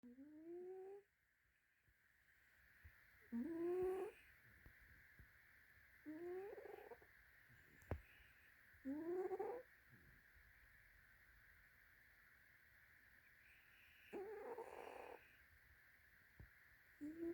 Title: 💤 😴 Indy Snoring